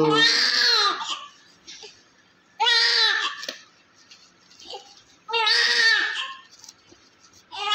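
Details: Strong, active male newborn after vernix and blood clot cleaning; loud, high-pitched crying in long bursts with clear breaths between, no murmur and no respiratory distress, a normal healthy newborn cry.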